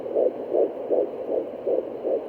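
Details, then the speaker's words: Rapid, regular whooshing pulses at about 150 a minute on a home fetal Doppler at 13 weeks 4 days of an IVF pregnancy: the fetal heartbeat, like a train, much faster than the mother's. "maybe hear that sounds like training right Bobby can you hear I sounds so much different to the other sound I showed you at first"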